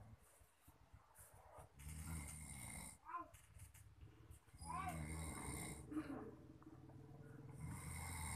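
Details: Man snoring very loudly during sleep, possibly tired: low, rough rattling breaths, irregular and mixed with a few snorts, over room noise.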